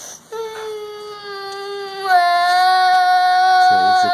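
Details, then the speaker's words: Young child ill with increased cough, allergic nasal congestion and mouth breathing after eating potato chips, crying on and off while sleeping all day: long sustained tonal wails rising in pitch, a brief sob at the end; crying. "今天是礼拜一，也没去上课，后来就一直哭，睡睡哭哭，睡睡哭哭。"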